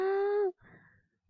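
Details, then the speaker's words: Adult man, talking, with loud high-pitched crowing on breathing in and a quieter breath out; inspiratory stridor, indicating supraglottic-level obstruction. "and this gentleman here has inspiratory stridor he's talking"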